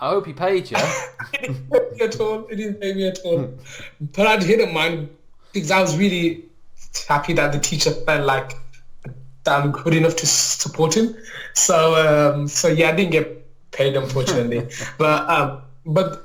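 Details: Adult male maths teacher with a lifelong stammer that mainly blocks on certain words or sounds and is worse when nervous; stuttering.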